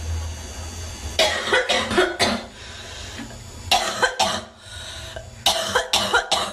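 Repeated bursts of harsh coughing in clusters, about ten coughs in six seconds, with low room hum between them.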